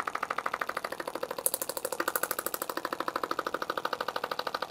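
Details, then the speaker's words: Fast, even mechanical clicking pulses, about three per second, with a whirring tone as a pelvic floor physical therapist's shockwave therapy wand treats a female client's pelvic or abdominal area, intensity adjustable; shockwave therapy device pulsing. "there's definitely a sensation to this wand she's felt that before so we're able to adjust the intensity and the variability for that there's both a noise to it and a sensitivity"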